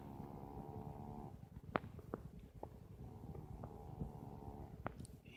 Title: Gus snoring